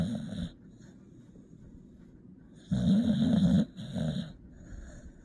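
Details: Tired puppy sleeping and snoring during a nap; snoring.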